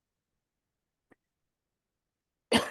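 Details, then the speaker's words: A single abrupt, harsh adult cough during a conversation, cut off at the end. "Sorry, I'm going to cough. No, no worries. Excuse me, everyone."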